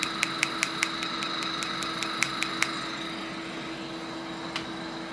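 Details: Picosecond tattoo-removal laser (Discovery PICO) with a DESCRIBE PFD patch, test spot with green ink: rapid sharp snapping clicks, about two or three per second, then a lone click over a steady hum; laser pulses firing.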